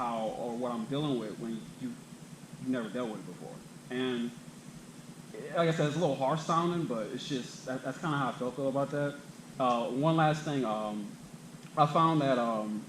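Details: Adult who stutters, himself a clinician specialising in stuttering and fluency disorders; stuttering during public speaking that he reports makes him anxious.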